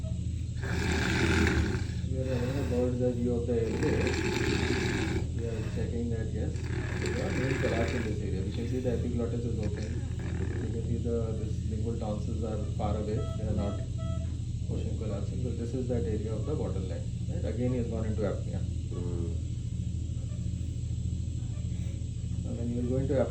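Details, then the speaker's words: During sleep endoscopy, a sedated adult gives three loud rattling snores. The snoring then stops as breathing ceases in obstructive sleep apnea, with possible paradoxical chest and abdominal movements. "snoring will stop his breathing will also stop there may be some paradoxical abdominal movements"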